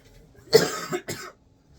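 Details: Two harsh, forceful cough bursts in quick succession during a school-day vlog, a short run of dry coughing.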